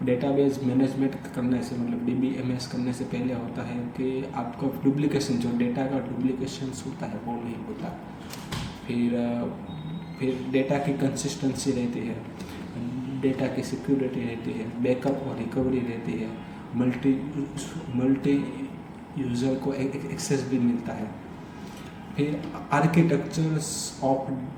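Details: Adult man who stammers, doing daily speech practice (tongue and lip exercises, tongue twisters, breathing, story-telling); stuttering.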